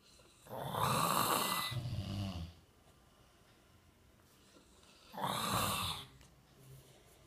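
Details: Two rough, rattling snoring breaths about five seconds apart, the first trailing into a low flutter, with quiet between; snoring.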